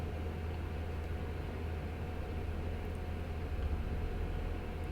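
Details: Ear microsuction by an audiologist, removing peeling dead skin (keratin) near the bony portion of the ear canal: a loud, continuous, low roaring rush of suction with a faint steady whine.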